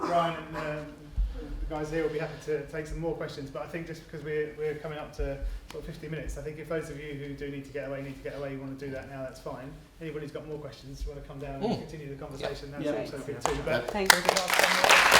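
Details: Adult man speaking; ordinary speech.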